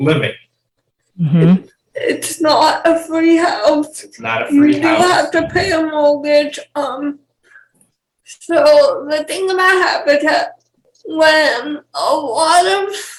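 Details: 28-year-old woman with cerebral palsy and speech issues; dysarthria (cerebral palsy).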